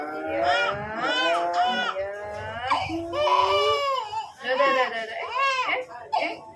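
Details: Baby boy's pain cry during ear piercing with a piercing gun: loud, high-pitched, strained crying and screaming with short gasps between wails, with adult voices and faint music behind.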